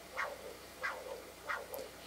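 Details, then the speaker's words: Pulsed-wave Doppler on a GE Logiq e ultrasound machine with auto calculation on, showing peak systolic values: three rhythmic whooshing pulses about 0.65 seconds apart, around 90 a minute, tracking arterial flow. "now I'll go into pulse wave Doppler I have the auto calculation set you can see that it's following along there"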